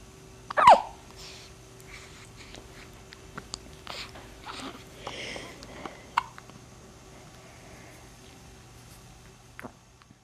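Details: Person with hiccups; a sharp squeaky catch of breath, then softer gasps and small clicks in a quiet room with a low hum; hiccups.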